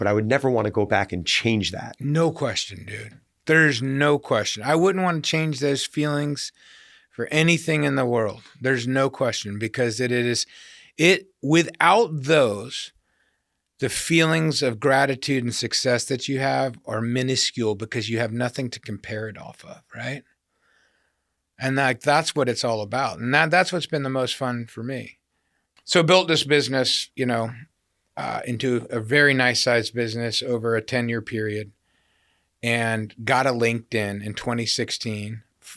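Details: Adult man; typical speech.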